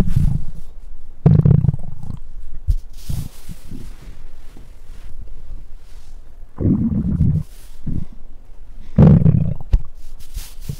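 Low, rumbling gurgles come in bursts of a second or so with quiet gaps between: ordinary stomach growling.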